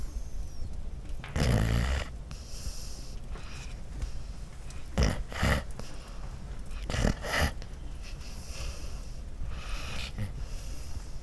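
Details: Dog snoring: repeated low, snorting, rattly breaths with brief louder snorts at irregular intervals.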